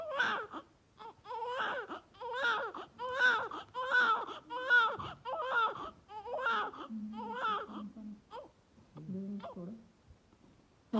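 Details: Baby during a doctor's stethoscope chest check: rhythmic, rising and falling bursts of infant crying in a small room, tapering into softer whimpers.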